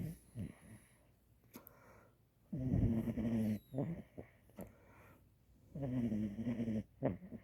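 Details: Tiny female French Bulldog in her first couple of weeks at home, snoring loudly during sleep: rattling snores with a wheezy whistle on the breaths, short snorts and quiet gaps.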